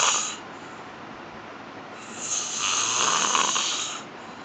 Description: Snoring gallore